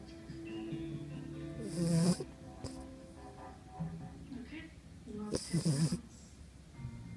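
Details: Pet dog snoring; snoring.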